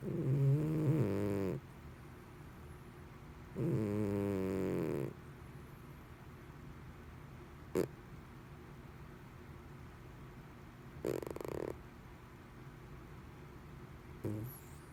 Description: My cat snores like a human . Loud at times too .